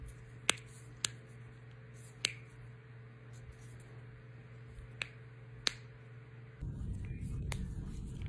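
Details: Person with Ehlers-Danlos syndrome cracking their knuckles: several sharp isolated pops from finger joints over a steady low room hum; joint cavitation.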